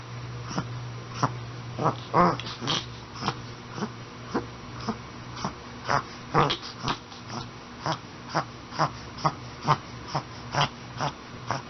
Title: Reverse Sneezing Dog